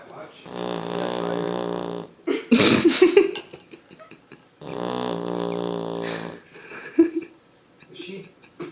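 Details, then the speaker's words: Two long, loud, buzzing snores with snorts and snuffles between, from a sleeping female Labrador puppy likened to a motorcycle; owner wonders if she's clogged up; snoring. "thinks she's clogged up or something? She sounds like a motorcycle. Vroom vroom."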